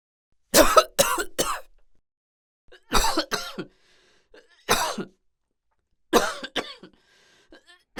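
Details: Simulated (acted) adult coughing sound effect: about eight harsh, throat-clearing coughs in four short bouts over eight seconds, with quiet pauses between.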